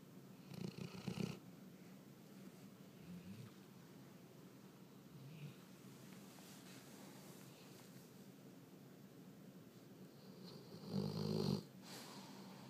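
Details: Sleeping dog, very loud snoring: low, rumbling snores, a louder rattling one at the start and again near the end, softer breathing between; snoring.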